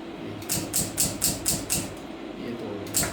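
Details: Pneumatic lithotripsy with Lithoclast II of a large bladder stone, about 2.5 cm, during endoscopic surgery without incision: bursts of sharp, rapid mechanical tapping as the stone is broken into pieces.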